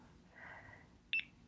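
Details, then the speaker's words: A single brief, high electronic beep as a home TPN (total parenteral nutrition) Curlin infusion pump is powered on and runs its self-check on internal battery power; a normal device sound. "the beeping the pump does a self check internal power is full that's your power source from your batteries"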